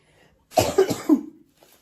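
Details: Adult woman who is ill and has not been sleeping: three quick harsh cough bursts in a run; cough.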